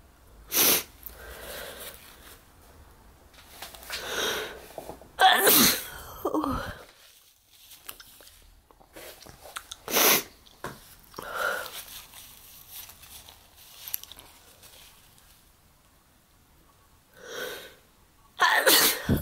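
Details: Repeated sneezing, about six sharp bursts over twenty seconds, several preceded by a drawn-in breath; a bout of sneezing.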